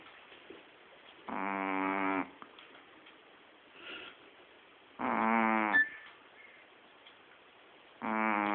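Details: Three loud rattling, buzzy breaths about three seconds apart with quiet gaps from a sleeping Shih Tzu dog; snoring.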